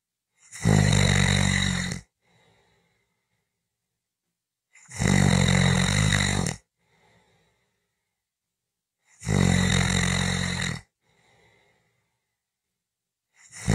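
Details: Typical snoring: loud rattling snores about every 4.5 seconds (roughly 13 a minute), with quiet breaths out between them.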